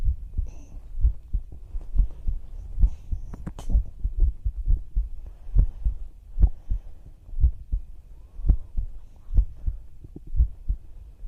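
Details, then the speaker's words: Normal heart sounds from a live heartbeat ASMR recording: steady, regular low thumps at about 65 a minute with a faint background hum. "トクトクってすごい落ち着いて寝れるね、これ。"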